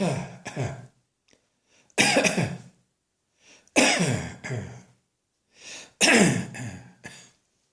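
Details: Adult with an irritating dry cough brought on by a dusty atmosphere, annual chest infection not yet arrived: repeated harsh, dry coughs in short bouts with quiet breaths between, a dry cough.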